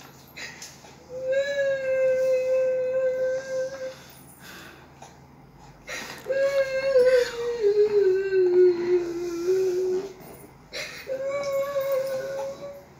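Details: Infant son crying, said to be emotional when his mother cries: three drawn-out, tuneful wails with gasping breaths between them, the middle one sliding downward, in a small room; infant crying.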